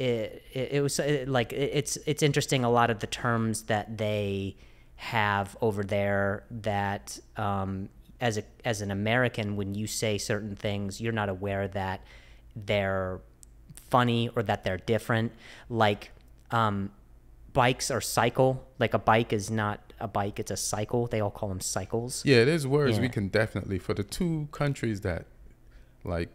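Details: Stuttering in an adult host who is described as fighting through a stutter; word repetitions are audible.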